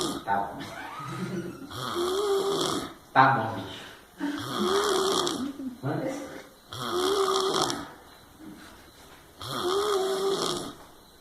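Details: Loud, rough, rattling snores on each breath in, roughly 22 a minute, with quieter breaths out between, recorded 02/05/2019: snoring.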